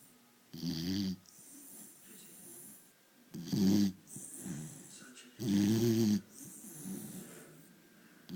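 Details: Dog snoring: loud rattling snores on each in-breath, about every 2.4 seconds (roughly 25 breaths a minute), with quieter out-breaths.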